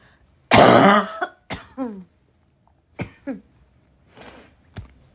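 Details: Girl coughing hard: harsh, forceful, raspy barking cough followed by several shorter coughs and throat clearing.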